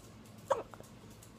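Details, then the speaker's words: A single short, sharp, voiced hiccup from a child in a quiet room; hiccup. "I think you do have hiccups."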